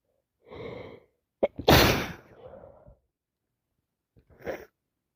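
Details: A drawn-in breath, then one loud explosive sneeze with a trailing exhale and a softer sniff, from a person with allergies plus a cold sneezing nonstop; sneezing.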